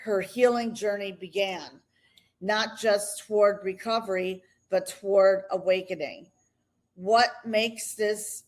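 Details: Adult woman speaking; normal voice.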